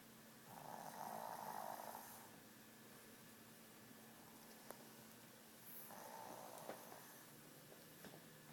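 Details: Olive, wearing an e-collar for a couple of weeks after recent cataract surgery, snoring in sleep: two drawn-out, buzzing snores several seconds apart over quiet room noise.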